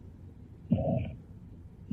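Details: Holosystolic murmur of mitral regurgitation.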